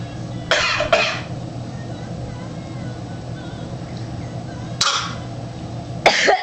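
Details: A young girl, thought to have a bad cough, gives four short, dry-sounding coughs, a pair then two single ones, over steady room hum.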